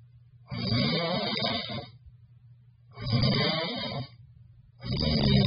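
Loud, rough rattling snores on each breath, about 30 a minute, with quieter breathing between; snoring.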